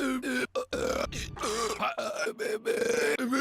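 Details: A cartoon character from Rick and Morty season 1 makes a run of long, voiced, gurgling belches broken by brief pauses; burping.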